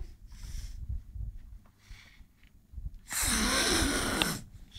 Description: my son imitating us snoring